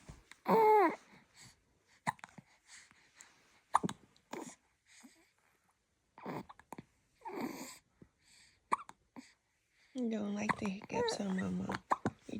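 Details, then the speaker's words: Newborn baby girl with hiccups: short, sudden, irregularly spaced catches of breath between soft coos and fussing. "trying to be happy but man how do I do that with the hiccups how do I do that h it's hard"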